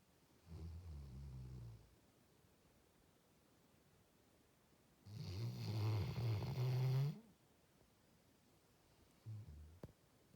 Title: Bruce the Labrador's loud snores